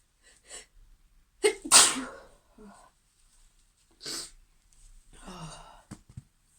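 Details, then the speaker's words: Female with a sneezing fit she can't stop while busy: repeated sharp, forceful sneezes with breaths and sniffs between; bout of sneezing. "Oh, I got a lot to do today. I really want to not keep sneezing. No."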